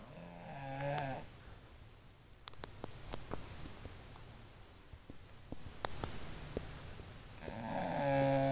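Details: Bulldog snoring: loud rattling snores separated by a quieter stretch with soft clicks and breathing, typical of a flat-faced dog's narrow airway.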